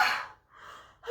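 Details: Acted, simulated sneeze in a comedy skit: a sharp, hissing burst of air that fades, followed by a breathy inhalation.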